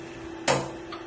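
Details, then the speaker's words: ICU ventilator powering on and starting its self-test: steady machine hum, a sharp click-and-rush at power-on, then a brief soft tone. "if you see the Machine first getting to the self testing for protect a new machine and also prevent the damage to the patients"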